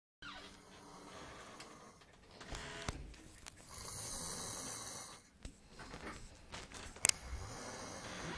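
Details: Very loud, rough, rattling snoring with each breath from a sleeping, drunk young man sharing a room, with faint room noise in the background.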